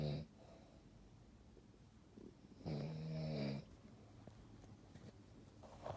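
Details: Dog snoring in sleep: low, rattling snore breaths separated by quiet pauses in a small room; snoring.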